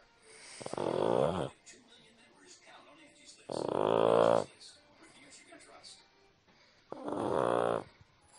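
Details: Person or animal asleep on the recorder, snoring: long, buzzing, throaty snores a few seconds apart, about 20 breaths a minute, quiet between; steady sleep snoring.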